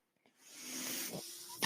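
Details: Mechanical ventilator of the podcaster, heard while he talks: a soft rising rush of air with a faint steady hum, then a brief pause and click; one ventilator breath.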